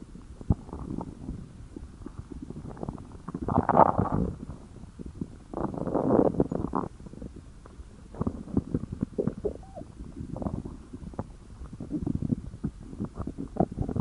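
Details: Tex's stomach growling: repeated low gurgles and growls with a few squeaky rising notes, hunger rumbling; borborygmi.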